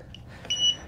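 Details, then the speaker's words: A single short high beep in a quiet room as the battery slides onto an Inogen One G4 portable oxygen concentrator, confirming the battery is connected. "should hear a little beep and then uh there's a little film on top of the screen here we'll remove that so we can get a better view of uh what goes on when we turn the machine on here"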